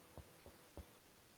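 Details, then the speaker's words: Three quiet, low, hollow finger-percussion taps over the chest at the second intercostal space, located from the angle of Louis, giving the resonant note of normal air-filled lung. "es la sonoridad esa es un pulmón sonoro"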